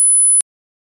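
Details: Audiology-style hearing test tones rising low to high at constant loudness; brief steady very high-pitched pure tone cutting off after under half a second, then silence: pure-tone hearing test tone.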